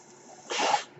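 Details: The podcaster's own mechanical ventilator cycling: a brief, soft rush of air swells and fades within half a second over quiet room noise.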